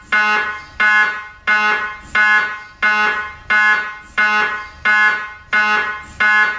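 Loud repeating buzzing tones, about 88 a minute, in a steady rhythm: an MRI scanner running a sequence.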